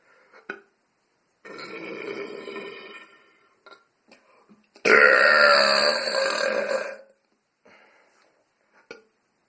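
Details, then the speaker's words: Deliberate voluntary burping without any drinks, produced by practiced stomach-muscle control: two long, loud, rumbling belches with short pauses and faint breaths; belching. "I'm going to attempt to do some louder and longer burps today let's see if I can do them there's a good one start off"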